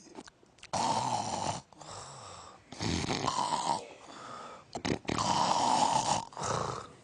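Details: Imitated snoring: rough, rattling inhaled snores with short quiet gaps between them.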